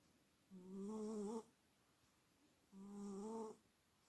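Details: Two soft, whistly, tonal snores about two seconds apart in a quiet room from a sleeping cat: snoring.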